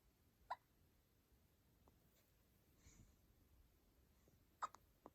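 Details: Newborn baby girl with hiccups: two faint sharp hiccup bursts about four seconds apart in a quiet room.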